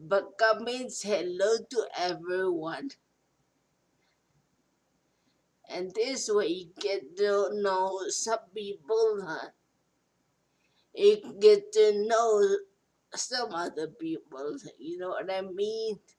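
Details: Adult speaker; post-stroke speech impairment.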